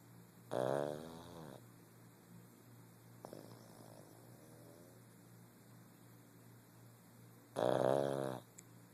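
Two loud, rattling snores about seven seconds apart, with a softer breath between them, from a sleeping flat-faced dog.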